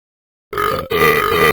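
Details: Burping: a single loud, drawn-out, rumbling belch about a second long, briefly broken in the middle.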